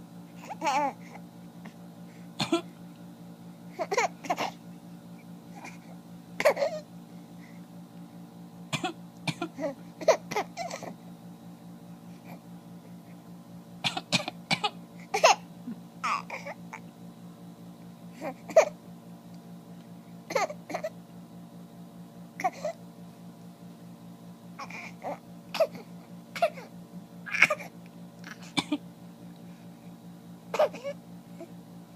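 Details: Repeated short coughs from a young child and an adult (father), heard over a steady background hum.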